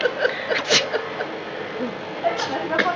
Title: Cute Baby Laughs at Sneeze Sound